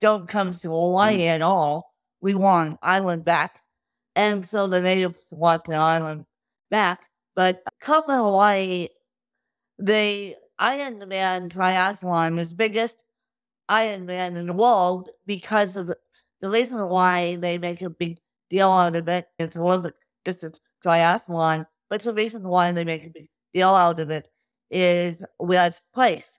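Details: Adult woman with cerebral palsy since birth, caused by lack of oxygen at birth; she reports difficulty speaking, sitting up and eating, and tires easily: dysarthria (cerebral palsy).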